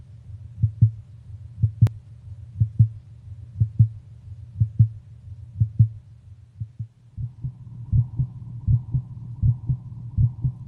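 Regular paired lub-dub heartbeats at about 60 a minute, with a low hum and brief music at the end.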